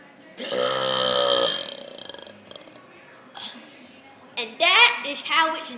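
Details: Burping after milk: a long, loud, voiced belch lasting about a second, followed by brief vocal sounds and laughter-like voices; burping.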